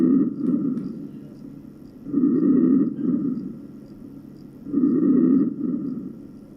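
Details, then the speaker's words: Normal vesicular breath sounds from a heart and lung sound manikin in a skills lab: soft, low rustling breaths at about 22 a minute. "الآن سنسمع إلى normal vesicular breathing or"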